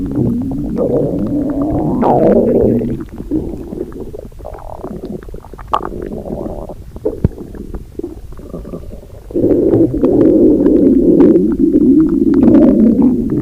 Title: Jinu saja Listen to Rumi Stomach growling